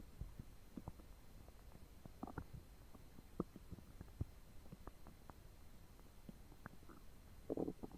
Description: Hey! Today my belly is churning up 2 foot longs and a pint of coke 😏